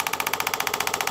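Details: Rapid, regular clicking pulses, roughly 15 to 20 per second, from a radial shockwave device with a cobalt tip and ultrasound gel, treating the painful Achilles tendon insertion on the heel bone, about 2,000 pulses.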